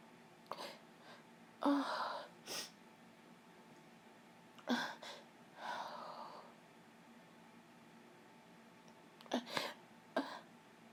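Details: Female sick for a few days with a cold: several short, breathy nasal sneeze bursts with quick intakes, separated by quiet pauses in a small room.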